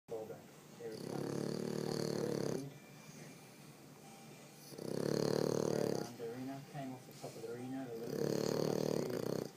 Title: Dog snoring